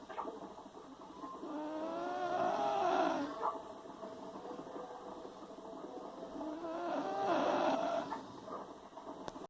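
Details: Two long, wavering, whistling-rasping breath sounds a few seconds apart; a nasal snore during sleep.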